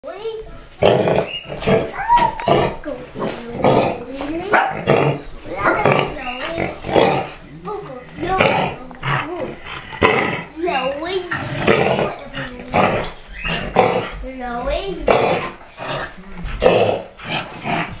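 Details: Dog (Baxter) with repeated harsh, honking hacking cough; owner suspects kennel cough.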